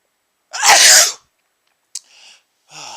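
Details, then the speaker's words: Man sneezing after sniffing chhinkni (menthol-like, burning snuff), eyes watering, nose running: one loud, forceful sneeze, then a short catch of breath and a brief sniff or exhale. "this is definitely only for people who are really serious about sneezing it really Burns oh what a big sneeze I love it this is great stuff going to sneeze oh what a big sneeze"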